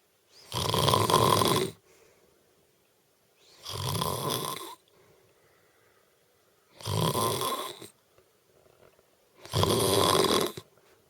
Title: wife snore 2